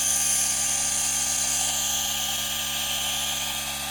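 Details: A G-Tech Compact DC1 compact nebulizer/inhaler compressor running, producing visible mist: a steady high-pitched mechanical whir and hiss with no pauses; nebulizer compressor running.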